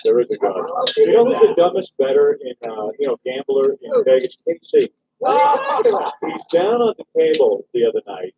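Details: Adult men in conversation; typical speech.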